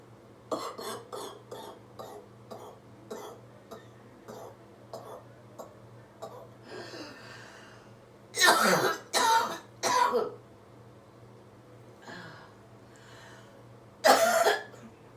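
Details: Adult woman with COVID-19 infection, day 19, clearing her lungs after chest percussion: short throat-clearing hacks, then several loud, harsh, wet coughs bringing up phlegm; productive cough.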